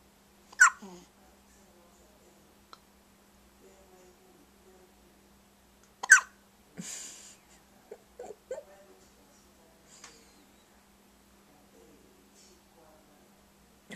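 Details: Baby girl on 'day 3', filmed with a Flip Video camcorder, who wakes herself up: sharp, brief catching sounds recurring at irregular intervals over quiet room noise; hiccups.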